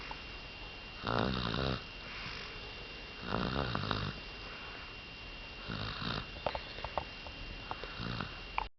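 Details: Snoring: rough, fluttering snores on breathing in, about every two to three seconds, with a steady hum in the room.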